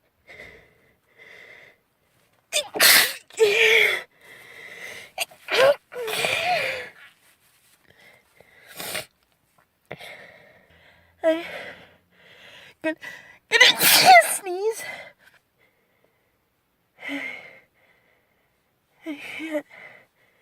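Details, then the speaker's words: Girl with a persistent nose tickle trying to sneeze it away: several forceful sneezes in quick succession, each with a sharp breath in before it, plus sniffs and quiet catches of breath between them; sneezing. "I'm going try to sneeze the tickle. It can't go away."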